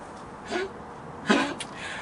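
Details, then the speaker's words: An animal, likely a dog, that is still coughing a bit, though less than before, mainly when jumping around: two short, harsh cough bursts over low background noise. "you can hear him he's still coughing a bit but not so much it's when he's just jumping around"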